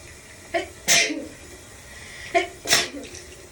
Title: Shower variety sneezes